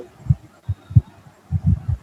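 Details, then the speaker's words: Low, dull heart sounds with a faint soft sound after them in a quiet recording; early diastolic murmur judged to be aortic regurgitation (differential pulmonary or truncal regurgitation) in a case discussion. "So here you think it is aortic. Why do you think it's aortic regurgitation?"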